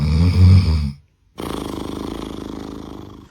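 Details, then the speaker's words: Benign snoring in a sleeping person: loud low snore, a short pause, then fast rhythmic fluttering snore; noisy but judged not a problem. "确实吵，但是问题不大。"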